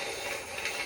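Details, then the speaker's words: Knee crepitus heard while squatting: continuous rough grinding and crackling through the movement, from the patellofemoral joint behind the kneecap, distinct from knee clicking. "The grinding that you may hear has to do more with the kneecap, the patella. On the back side of the patella, there's supposed to be some nice smooth cartilage on the back side of the patella, so as it moves back and forth, it glides smoothly."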